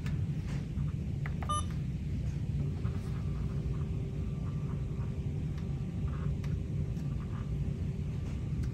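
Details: Alaris IV pump, simulated nursing-school demonstration: brief electronic beep as a piggyback infusion (1000 mg in 50 mL over 60 minutes) starts, then steady low rumble and faint tones; IV infusion pump start beeps.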